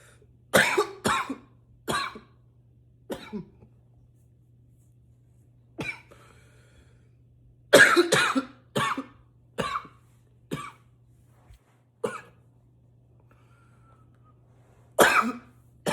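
About 14 harsh, forceful coughs in clusters of two or three, separated by pauses, over a faint steady hum; repeated intense coughing.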